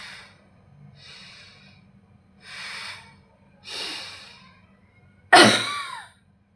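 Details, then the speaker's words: Controlled cough technique demonstration, for weak or ineffective cough from pain, surgical incision or uncoordinated muscles: four slow, deep breaths followed by one sharp, forceful cough. "then there are different coughing techniques to help you. Double cough Controlled cough."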